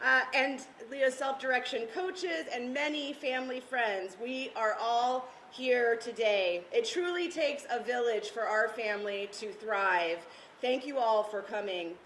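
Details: Adult woman; Normal speech.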